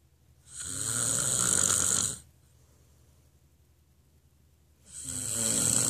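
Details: Loud, harsh snores on inhalation, a rough rattling buzz each time, separated by quiet exhalations; snoring.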